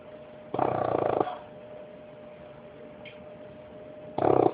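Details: 5-month-old Bulldog puppy snoring: two short, loud snorting snores with quiet breathing and a faint steady hum between, snoring in a flat-faced puppy.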